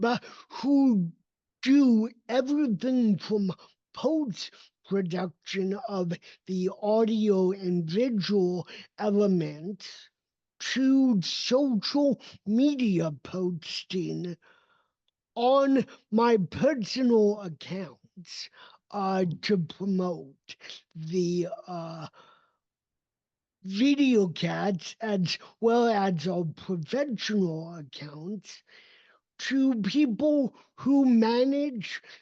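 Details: Adult male with cerebral palsy, a neurodevelopmental disability; voice emerged only at age seven after extensive speech therapy and still needs constant training; dysarthria (cerebral palsy).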